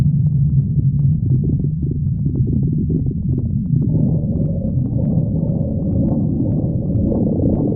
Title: Pan stomach growling 56